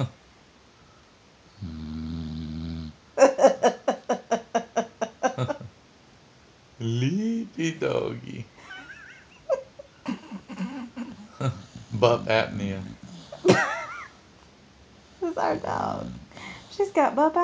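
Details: Sleeping dog snoring at night: rhythmic snorting and snuffling breaths with buzzing snore sounds between quieter gaps; typical dog snoring.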